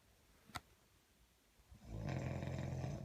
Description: When you wake up and your boyfriend snores like a hummingbird.